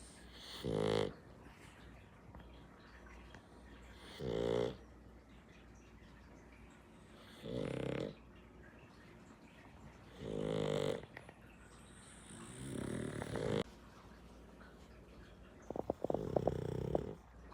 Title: Pug snoring #dog #entertainment